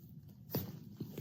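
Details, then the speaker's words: Chiropractic neck/back adjustment with the patient relaxed and a small push applied: a short, dull pop followed by two softer clicks over low room noise, from joint cavitation (cracking). "Okay. So, you're going to hear some nice loud clicking and popping sounds."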